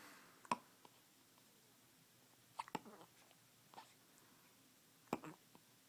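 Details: Hiccups in a 5-day-old baby: four soft, sharp little catches spaced a second or two apart in a quiet room.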